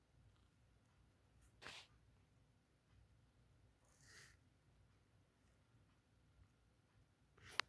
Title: sneezing cat